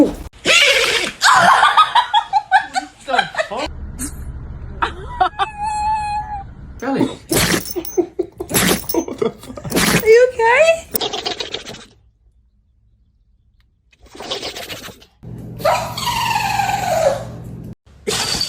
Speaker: Oh my goodness. What a big sneeze. A poor little buddy.